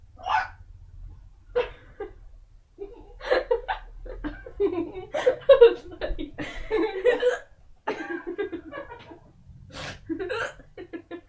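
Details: Hiccups from an adult woman, said to be real though unusual-sounding: repeated abrupt voiced gulps at irregular intervals, mixed with laughter and breathing.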